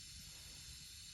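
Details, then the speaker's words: Respiratory therapy student's simulated nasotracheal suctioning demonstration: steady airy hiss of the suction unit being turned up and set below 150 before passing the catheter down the nasal airway; suction unit running. "go ahead and turn up my suctioning i'm going to make sure that my suction is less than"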